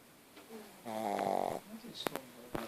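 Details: 9-month-old sleeping puppy with very large tonsils: a single loud, buzzing, fluttering breath, then small snorts and clicks in a quiet room; snoring.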